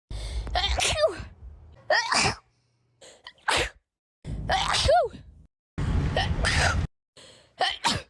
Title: Natural sneezing comp